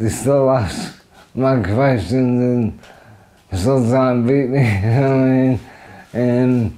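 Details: Adult man with motor neurone disease (ALS) diagnosed about four years earlier, affecting his throat and voice through weakened throat muscles; dysarthria (motor neurone disease).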